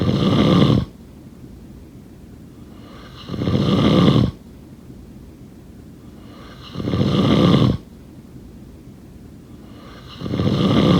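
Deep, rumbling snores on each breath in, about four breaths in eleven seconds with quiet gaps between; steady heavy snoring.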